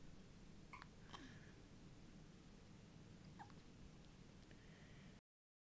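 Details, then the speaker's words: Several faint, brief chirp-like catches over steady room noise in Mila, a cat having hiccups; hiccups. "see I never had the hiccups before this is my first time I never had him before"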